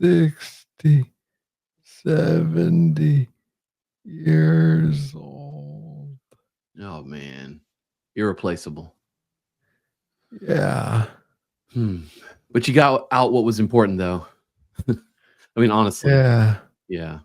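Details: Adult man with Parkinson's disease diagnosed in 2014 at about age 35, first misread as tennis elbow; slow speech in Parkinson's disease.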